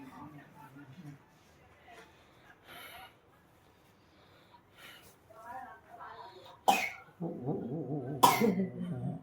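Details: Child with a cough being treated with traditional Chinese medicine (acupoint pressing, scraping, cupping): two sharp cough bursts between quieter voiced sounds and faint room noise.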